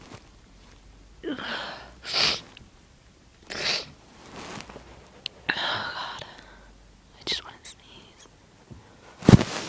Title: Itchy Tickly Sneezes